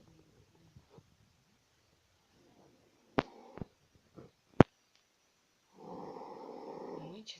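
After a quiet stretch with a few clicks, one rough, rumbling breath-in snore in a quiet room.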